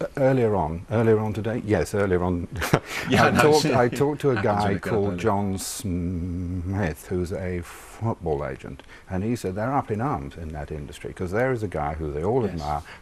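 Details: Stammering (stuttering) in an adult man who stammers, speaking in a live TV interview.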